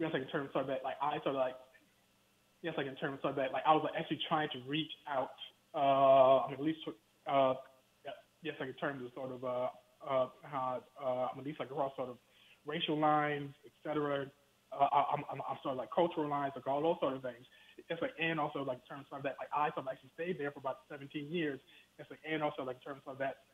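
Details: Stuttering in an adult male professor speaking in a phone interview, who has told the host that he stutters.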